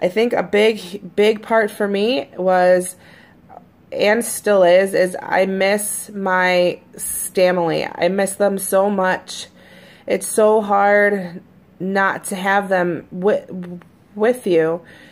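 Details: Adult woman who stutters, usually fairly fluent in her recordings, with the stutter recently more noticeable: stuttering.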